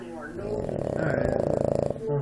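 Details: Boston Terrier relaxing after a day of digging holes and chewing sticks, snoring: a long, rattling, fluttering snort on one breath, rising in pitch and strength, from a short-nosed dog.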